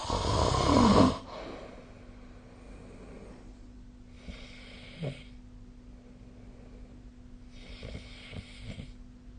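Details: One loud, harsh snore, then softer noisy breaths with small snorts and clicks during sleep; snoring.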